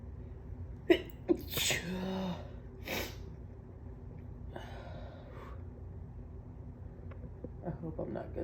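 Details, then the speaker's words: Someone who woke congested, with the left nostril clogged, gives a quick inhalation then two sharp, explosive sneezes; hopes these are morning allergy sneezes rather than the start of a cold. "hopefully those are not the beginnings of a cold sneezes and they are just morning allergy sneezes"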